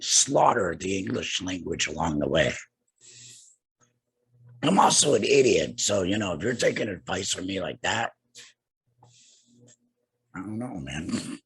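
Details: Adult man two years after laryngectomy for cancer with radiation and chemotherapy, breathing through a neck stoma and speaking with a tracheoesophageal puncture voice prosthesis and an HME: tracheoesophageal speech after laryngectomy.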